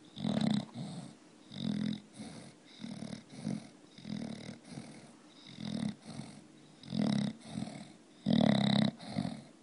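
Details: Sleeping bulldog snoring with loud, rumbling, rattling breaths in an uneven rhythm.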